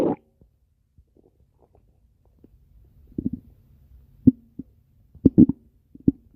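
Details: Irregular gurgling, bubbling rumbles in short bursts over a quiet background; ordinary stomach growling (borborygmi) from gas and fluid moving through the gut.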